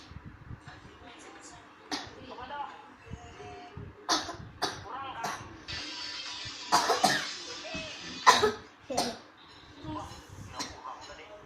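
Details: Severe, persistent cough with repeated harsh bursts in close succession, over background music and voices; caption says the cough is being ignored (Indonesian "abai batuk parah").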